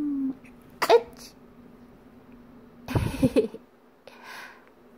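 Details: Two brief, high-pitched sneeze bursts from an 11-day-old newborn, after feeding, the second followed by a short voiced catch.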